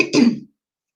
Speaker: it is the 14th of February and I have a terrible terrible terrible cold and a cough so I hope to god that you don't hear it at all